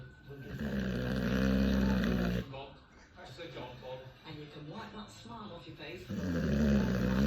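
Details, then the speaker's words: Simulated snoring: a person deliberately imitating how "Mummy" snores, with loud, droning, rattling snore sounds and a break between them, not true sleep snoring. "What are you doing? I was annoying like Mummy does."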